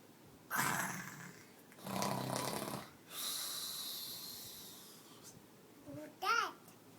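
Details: Sleeper snoring: three long, harsh breathing noises in a quiet room, then a brief child's voice. Snoring.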